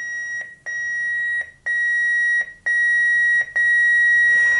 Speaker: once i turn it to 150 i have to press the charge button which is the second step and you'll hear a discontinuous beep first and when it gets charged completely you'll hear a continuous beep